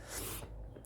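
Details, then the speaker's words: Imitated pleural friction rub, described as heard in both inspiration and expiration, like Velcro opening or leather rubbing on leather: brief grating, leathery rasp of inflamed pleurae rubbing together. "E basicamente esse som aqui ele vai indicar que a gente está tendo um processo de inflamação pleural. Né? Por quê? É como se as pleuras elas estivessem uma raspando na outra."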